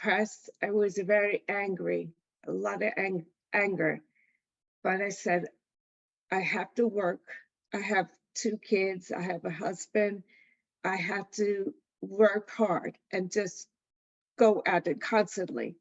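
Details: Adult woman with aphasia after a September 2019 stroke from a blood clot passing through a hole in her heart; word-finding difficulty, about 2 years of speech therapy, attends an aphasia center; aphasia.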